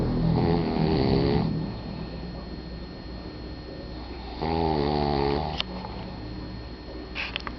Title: who's snoring?